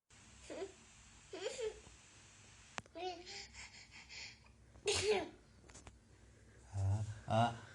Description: A baby boy laughs when his father pretends to sneeze indoors.